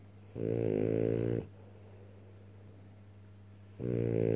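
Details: French bulldog snoring: loud, buzzing snores with a vibrating, rattling quality, about a second each, separated by quiet pauses over steady room hum.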